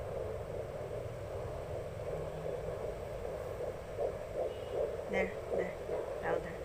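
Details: Second-trimester pregnancy, heard at home with a handheld fetal Doppler: fast, regular whooshing pulses at about 155–160 per minute; fetal heartbeat.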